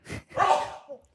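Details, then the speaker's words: Male podcast host sneezes into the microphone: one loud, explosive sneeze close to the mic, a sharp intake then a forceful burst that trails off. "That scared me so much. Woo. Oh, my heart. Okay. I'm sorry. I had to sneeze."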